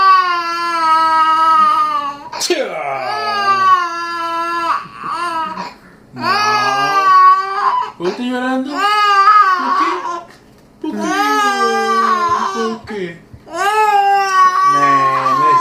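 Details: Loud, high wailing cries in repeated bursts with short gasping pauses, from 10-month-old twins scared by their father's sneeze, in a small room; infant cry.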